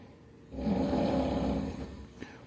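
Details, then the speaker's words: Snoring during sleep at night, described as the loudest ever heard, like a broken car muffler: one long, loud, rattling inspiratory snore ending in a short snort. "Anyway, this is like the loudest person I ever heard snoring in my time. Sounds like a broken car or it sounds like a broken muffler."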